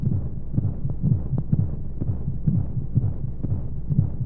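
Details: Womb sound played as a sleep aid for babies: muffled, rapid, whooshing heartbeat at roughly 125 beats a minute over a constant low rumble of flowing sounds and white noise; a heartbeat as heard inside the womb.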